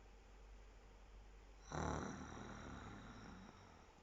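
A single short, low, snorting snore rising out of steady background hiss.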